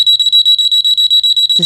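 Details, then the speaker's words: A DRI Sleeper Eclipse bedwetting alarm with its parental monitor unit, the sensor worn in a child's underwear: both alarms sound a loud, high-pitched, rapid steady beeping when moisture is detected. "To use the alarm turn them on place the sensor in the child's underwear and when the sensor detects moisture both alarms will trigger."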